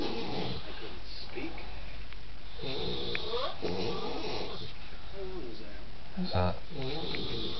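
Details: Sleeping male, a habitual snorer, recorded in a shared room: low, rattling snores under steady room noise and faint background music; snoring.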